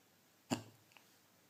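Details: Person trying to sleep, in the dark: a single short, sudden gulping burst in a quiet room; one hiccup.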